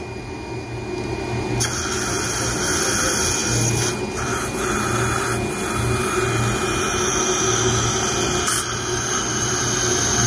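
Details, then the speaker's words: Live pterygoid basal implant surgery, maxillary arch: 2.5 drill taken to full working length because the BCS implant slipped; steady high-pitched drill whine with grinding and room noise. "Okay, so I drill a bit more and drill till the full working length."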